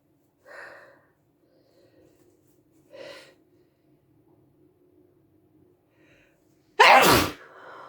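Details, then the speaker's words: Two soft breathy inhalations, then one loud sharp sneeze, covered by instinct, set off by sniffing pepper. "sorry that was covered I was gonna do a no covered sneezing like at all but hey it's just instinct you know"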